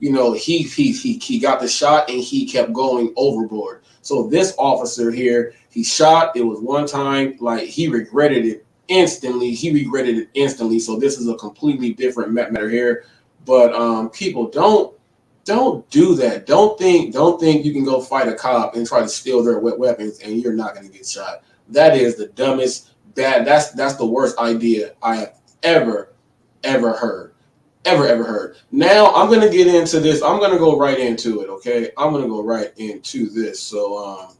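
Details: Stuttering in a male who says he was born with it, has struggled since childhood, and is much better now.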